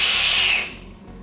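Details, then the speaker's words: Demonstration of a capsule-type dry powder inhaler: capsule pressed to break it, then a loud, strong, fast inhalation rushing through the device and fading. "press down to break the capsule up and then as strong and fast information so I'll show you what I mean by that"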